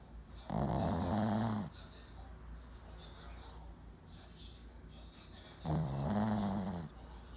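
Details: Female Shih Tzu, born December 2009, snoring: two loud, rattling snores about five seconds apart, each over a second long, with quiet breathing between them.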